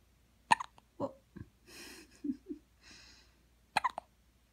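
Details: Newborn: sharp, brief hiccup bursts with soft breathy sounds and a quiet adult voice between them; infant hiccups.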